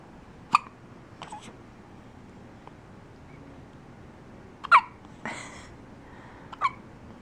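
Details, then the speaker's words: Dog with hiccups: sharp, brief, isolated bursts separated by quiet pauses. "Are you done with the hiccups? No?"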